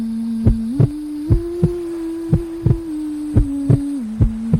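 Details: Heartbeat sound used as a baby sleep aid: regular soft low paired thumps about ninety a minute over steady white-noise hum and gently shifting tone and melody.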